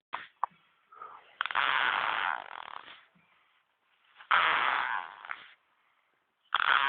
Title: Baby snoring 1